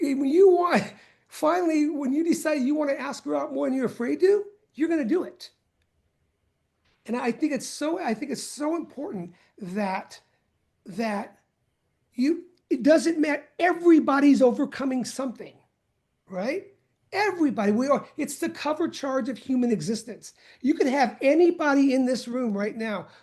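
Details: Stuttering in an adult man who says he has stuttered for many years.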